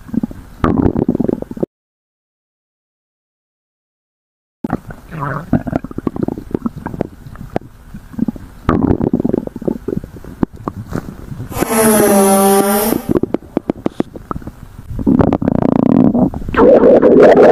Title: Stomach Growl